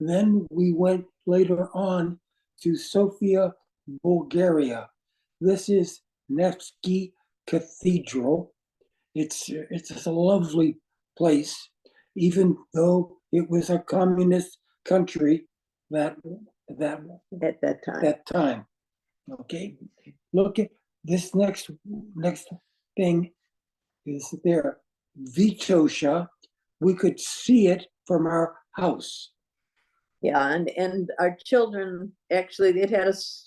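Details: Adult man with aphasia resulting from a stroke; non-fluent speech with difficulty choosing words instantly and finding how to say what he wants.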